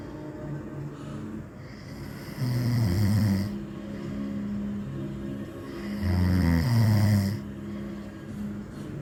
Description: Old man snores loudly and annoys beautiful girl.